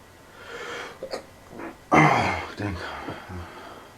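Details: Sneezing from allergies; short gasping in-breaths build up, then one loud, explosive sneeze followed by breathy sounds in a small room.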